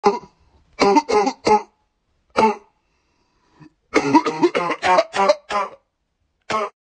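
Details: 94-year-old man coughing: about a dozen short, voiced cough bursts in clusters, with brief pauses between groups.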